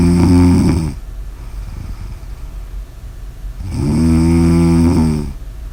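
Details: Snoring: two loud, buzzing snores on the in-breath separated by a quieter out-breath, about 18 breaths a minute.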